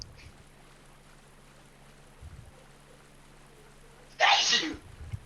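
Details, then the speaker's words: A single sharp, hissy sneeze from an adult, heard at a distance through another person's microphone despite his mic being muted. "Bless you. Stop it! I hate this. like, I'm gonna give myself some privacy, and then we just all hear it anyways."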